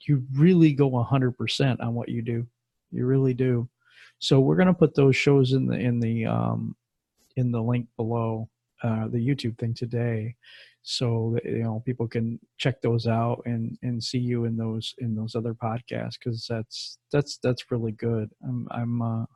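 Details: Adult male speaker; typical speech.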